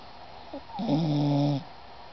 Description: Turn up the volume & listen to Isis snore! hehe